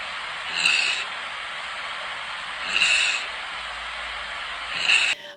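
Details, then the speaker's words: Actively dying patient: noisy, rasping breaths at roughly 27 a minute, showing breathing changes at the end of life. "so trigger warning here is another video that will show you the different types of changes in breathing at the end of life"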